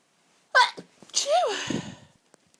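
A short voiced catch, then one forceful sneeze with a rising and falling voiced cry that trails into breath. Only a single sneeze is heard.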